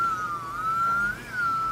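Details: Saeyang Marathon N7 brushed dental lab micromotor with SH37LN handpiece running at low speed; steady high whine that sags in pitch under load during a torque demonstration, then recovers.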